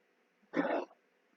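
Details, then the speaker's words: Old beagle hound coughing at night: a single short, harsh dog cough heard in a quiet room. "little bagel coughing up coughing coughing coughing tonight you hear that noise that's the old beagle hound he's in charge"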